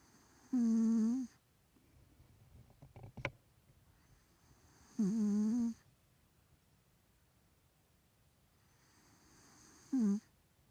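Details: 3-year-old male Maine Coon cat with nasal problems snoring: loud, buzzing, tonal bursts about every five seconds with a congested nasal quality.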